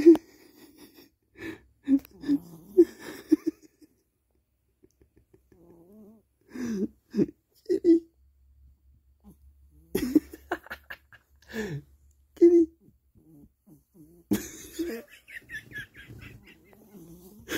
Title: cat snoring